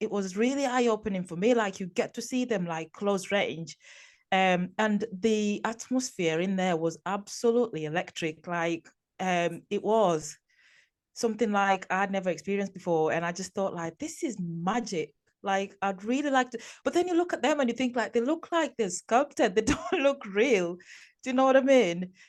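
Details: Adult woman speaking; normal voice.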